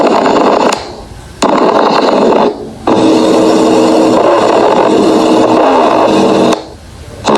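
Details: Lung auscultation: harsh, noisy breath phases with pauses between them; the longest carries a steady musical whistle, a wheeze.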